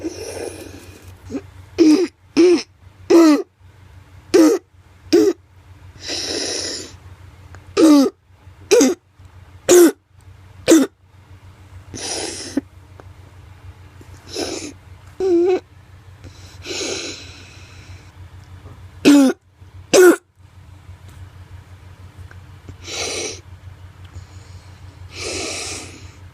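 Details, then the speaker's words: Child with croup, a viral illness often due to parainfluenza: harsh, seal-like barking coughs in short runs with noisy, strained inspiratory stridor between them. "what sets croup apart from other viral respiratory infections is the strider embarking cough let's take a listen to what this sounds like"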